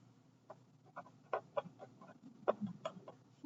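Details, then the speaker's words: An adult's stomach growls during a lecture: a quick, irregular run of short gurgling, clucking bursts over low room hum, ordinary borborygmi. "that was my stomach did you hear that"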